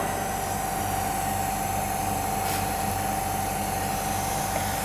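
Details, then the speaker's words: Electric suction machine running after power-on, run light on as suction starts; continuous motor hum with steady tone and rhythmic pump pulsing, pressure gauge rising once the suction cap is closed. "ये light on है क्योंकि अब suction शुरू हो गई ना, इसलिए देखें।"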